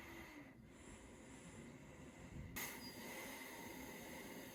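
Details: Travel CPAP machine recorded up close with a sensitive microphone to compare noise between machines: a steady, airy blowing hum with a brief shift in tone partway through.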